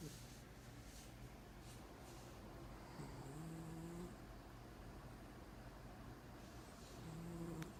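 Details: Jinx, an animal, snoring like a human: quiet, low rumbling snores with a faint tonal buzz, two breaths about four seconds apart over low room noise.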